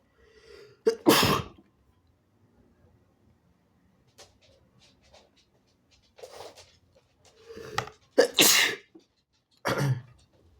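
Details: Several loud, wet sneezes from an adult man, with short inbreaths before some and quiet gaps between, from a recording of sneezing and nose blowing after a nose tickle.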